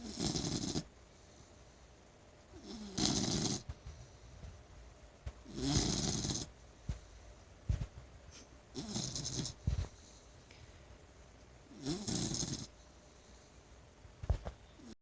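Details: Female blue nose pit bull sleeping and snoring loudly, waking when roused, then told to go back to sleep and snoring again: five rasping breaths in about fifteen seconds, roughly 20 a minute, with quiet gaps and faint clicks.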